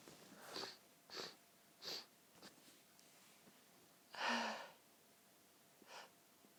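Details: Incredibly tickly nose: several short breathy inhalations build up to a muffled, pinched sneeze burst; stifled sneezing with breathy build-up.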